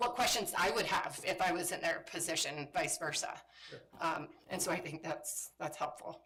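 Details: Woman with spasmodic dysphonia, a voice disorder she calls a brain disorder, which she says kicks in sometimes. Spasmodic dysphonia.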